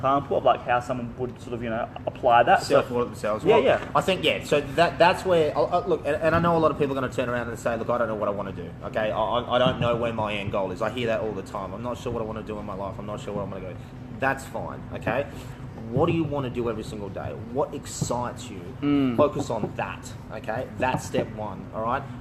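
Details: Adult man speaking; Ordinary fluent speech.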